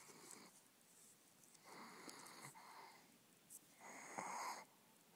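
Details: Soft snoring: quiet, regular rasping breaths in a slow rhythm, about three in five seconds; sleeper said to need nasal strips.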